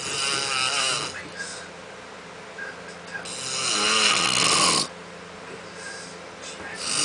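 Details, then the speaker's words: Harsh, rattling snores on the in-breaths with quieter breathing between: an adult man snoring during sleep, a long-standing habit his wife says is worse at night, though he denies snoring. "He says he doesn't snore. He snores."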